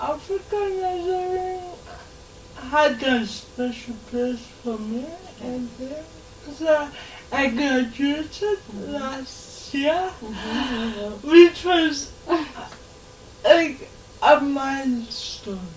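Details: Dysarthria in a 26-year-old woman with lifelong cerebral palsy; her speech is often not understood by others.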